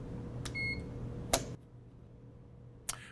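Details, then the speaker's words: Puritan Bennett 560 ventilator powered on into setup mode while the alarm control button is held: a brief electronic beep with clicks over low room hum. "So to get up in the setup mode, I'm going to first press the alarm control button while I turn on the unit in the back. And I'm going to hold that button in."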